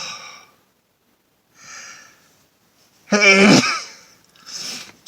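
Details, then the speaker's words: A single sneeze, recorded outdoors by a car: two soft breaths, then one loud, voiced sneeze and a short exhale. "I'm here on a beautiful early May afternoon but I came out to the car because I had some requests I had requests to use a handkerchief which I couldn't find once so I'm using a towel and also had a request to do he's induced sneezing with pepper"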